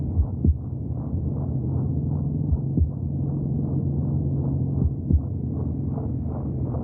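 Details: Heartbeat sounds recorded from inside the womb: a steady whooshing rumble with faint, soft thumps recurring beneath it.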